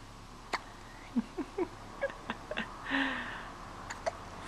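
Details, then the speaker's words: About one-month-old (four-week-old) infant boy hiccuping while sitting in a vibrating baby chair: repeated small, abrupt hiccups, several within a few seconds, with a soft infant vocal sound between them. "how are you doing just hanging out in his little vibrating chair hiccuping away"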